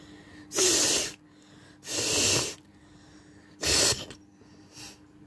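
Three loud hissing nasal bursts in quick succession, then a softer one; forceful sneeze-like expulsions through the nose.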